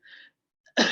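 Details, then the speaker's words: Adult imitation of a three-month-old infant's staccato cough, like a typewriter, a cough with each breath: short, abrupt coughs, described as typical of chlamydial infection. "is like a typewriter song so usually it is called by name staccato staccato cough"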